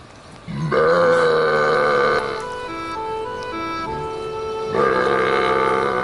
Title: Live Burp Concert in Front of Cows